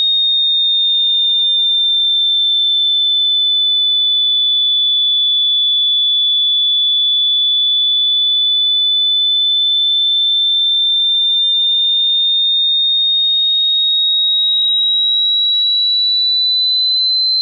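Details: A steady, piercing high-pitched tone drifting slightly upward; a simulation of tinnitus ringing.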